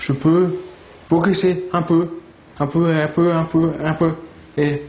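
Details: Aphasia in a 35-year-old man, about 15 years after traumatic brain injury from an accidental fall at age 22; struggles to retrieve, pronounce and articulate words; speaking during speech therapy.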